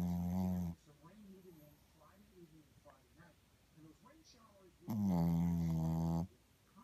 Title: Momma snoring